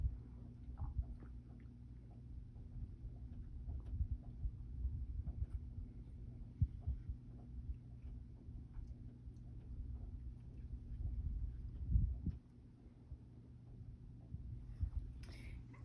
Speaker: i don't hear anything um unusual everything sounds good so that finishes um auscultation